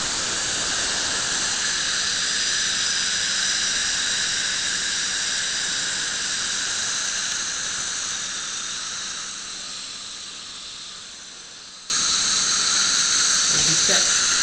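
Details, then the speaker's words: Electrocautery removing a pedunculated lesion from the palate of a female denture wearer under local anesthesia: steady high-pitched hissing squeal, briefly cutting off, then resuming louder; bleeding stops immediately; electrosurgical cutting and coagulating. "Observe que imediatamente o sangramento cessa. Então não tem nem sangramento."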